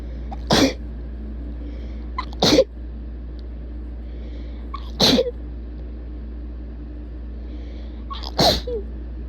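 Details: Four sharp, explosive sneezes, each preceded by a short inward breath, over about nine seconds against a steady low hum; rapid sneezing.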